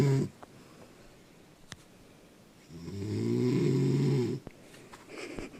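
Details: Mother snoring badly: a single loud, rattling snore on an in-breath, framed by quiet breathing and small room noises; snoring.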